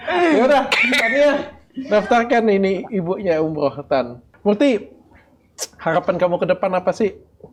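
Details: Adult speaker; typical speech.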